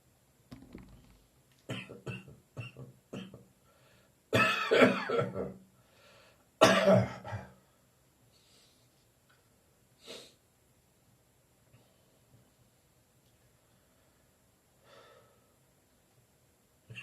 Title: Slightly Phlegmy Morning Cough